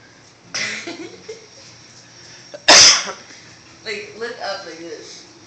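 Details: Deliberately induced sneeze after pepper and looking at a light: a brief breath buildup, then one loud, explosive sneeze, with talk before and after.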